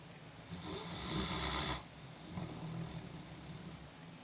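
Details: Snoring during sleep: a loud, raspy snoring breath, then a softer rattling one, with low vibrating sounds.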